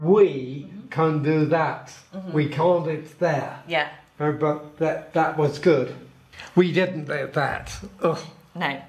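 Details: Person with aphasia, a language disorder caused by brain damage, speaking as a consultant in a design workshop for a computer gesture therapy tool: aphasia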